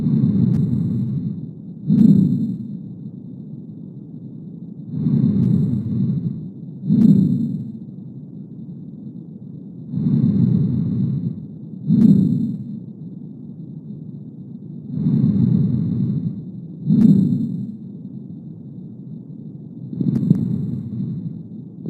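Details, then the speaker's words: Coarse crackles on chest auscultation, bubbling like stepping on dry leaves. "vamos a escuchar un ejemplo de crepitante presta bastante atención sobre todo el sonido no escuchar muy bien de que se escucha como un burbujeo como picaron pisar hojas secas"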